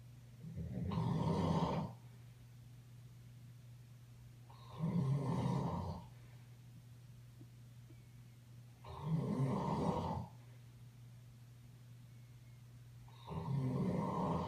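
Rhythmic, low rumbling snores with each breath, about four in fourteen seconds, over a steady background hum.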